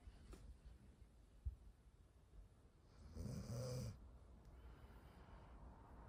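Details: One low, rattling snore of about a second rising out of quiet breathing and room noise from a sleeping golden retriever; ordinary snoring.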